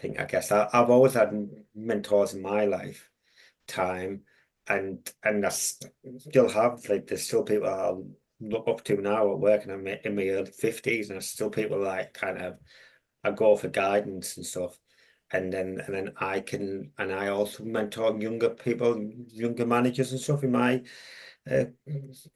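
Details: Stuttering in an adult with a long-standing stammer who mentors young people who stammer.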